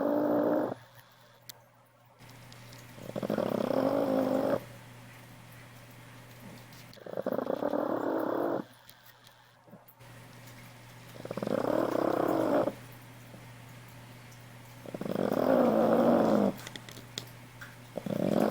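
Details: Sleep snoring: regular loud, rumbling snores about every four seconds, roughly 14 a minute, with quiet pauses between.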